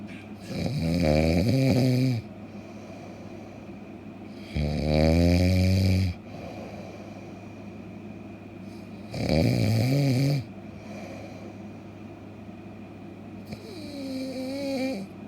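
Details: Loud, rattling snores on each in-breath, about 14 a minute, separated by quiet out-breaths; ordinary snoring.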